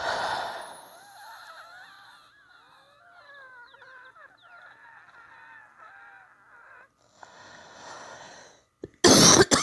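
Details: Wheezing during influenza A.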